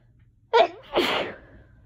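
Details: Allergic sneezing: a single sneeze with a sharp voiced in-breath, then a forceful airy burst.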